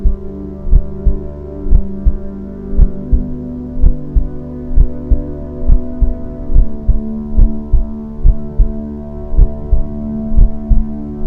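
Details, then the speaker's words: Heartbeat sound therapy to calm and settle puppies, imitating the mother's heartbeat: steady low thumping beats about 85 a minute over calm sustained music; a regular soothing heartbeat. "मां की धड़कन की धुन पिल्लों को सुरक्षा का एहसास दिलाती है और उनकी चिंता को दूर करती है। अब हम आपको देंगे 60 मिनट की हार्ट बीट साउंड थेरेपी।"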